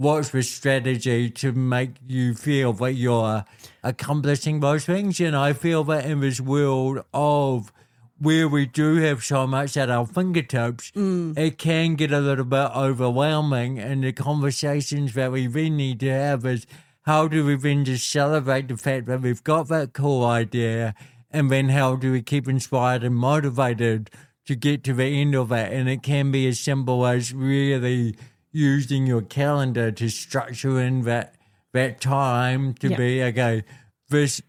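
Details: Adult man with cerebral palsy since birth, a physical disability affecting how messages travel around his body, who was told his biggest challenges would be his walking and talking; speaks with dysarthria (cerebral palsy).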